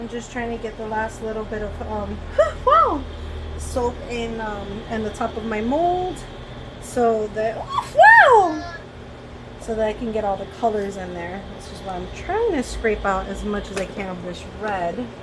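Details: Adult with tics/Tourette syndrome; speech ends with an interjected vocal tic ('woof'); vocal tics (Tourette syndrome).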